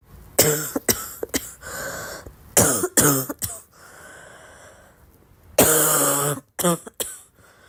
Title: Girl Coughing 324